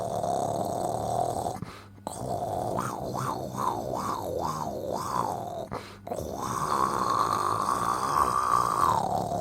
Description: Different levels of snoring